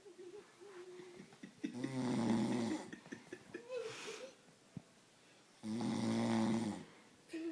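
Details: Person who fell asleep at a friend's house snoring: two loud, rough snores rattling on the in-breath, with quiet breathing and faint room noise between.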